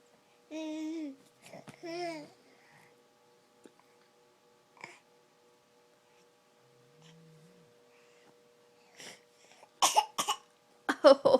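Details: Baby coughing: voiced babbling, a quiet gap, then several short, harsh cough bursts close together at the end.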